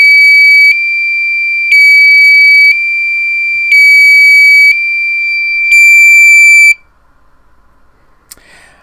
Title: Cardiomyopathy and LVAD Alarms - What it's Like